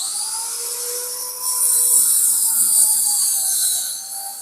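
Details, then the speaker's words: Omron HEM-7140T1 digital blood pressure monitor used at home: steady high pump-motor whine as the cuff inflates while the user stays silent; reading afterwards 118/81, stated normal. "আমি যখন মাপবো তখন আমি একটু চুপ থাকবো। হ্যা। Already measurement নিচ্ছে।"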